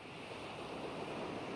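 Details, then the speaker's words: ReSound hearing aid calm waves tinnitus masking sound, a nature sound-enrichment option: crashing waves. "जैसा कि आप दूसरे प्रकार के ध्वनि संवर्धन के साथ देख सकते हैं, रीसाउंड में प्रकृति की ध्वनियों का चयन होता है, जो फिर से, विभिन्न प्रकार की समुद्री लहरें हैं।"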